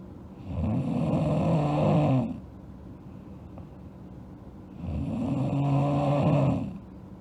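Two long, rumbling, buzzing breaths a few seconds apart with quiet pauses between, over steady room hiss: snoring.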